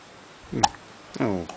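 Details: Newborn son with hiccups: two abrupt, catchy gulping sounds, each followed by brief voiced noise.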